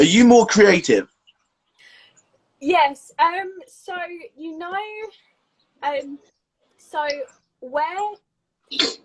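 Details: Adult woman with a stammer since age three, described as a neurological speech impediment, with blocks and repetitions; stammering (stuttering).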